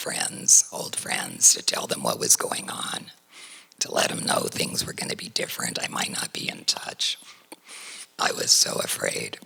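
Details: Adult woman whose larynx was surgically removed for cancer, speaking without a larynx; alaryngeal speech after laryngectomy.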